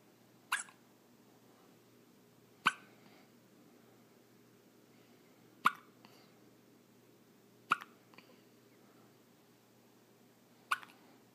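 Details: Five short, sharp hiccups roughly every two to three seconds over faint room noise in a 4-day-old newborn.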